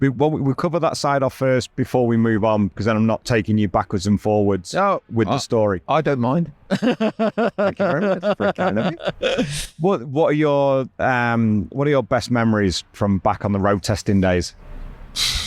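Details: Adult man speaking; normal conversational speech.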